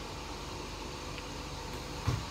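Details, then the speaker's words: Steady, fairly quiet low mechanical hum in a small room with a brief soft knock near the end: a home oxygen concentrator running for an adult woman with sickle cell disease (SS), delivering oxygen via nasal cannula. "Donc voilà comment elle fonctionne la machine."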